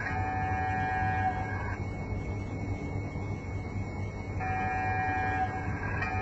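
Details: Loud steady mechanical drone with a low hum and sustained high whining tones that start and stop, from an MRI scanner running during a demonstration of handling the scanner and patient.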